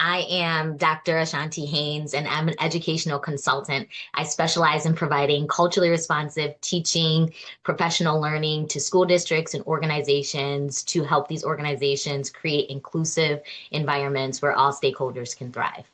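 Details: Adult woman speaking; Normal voice.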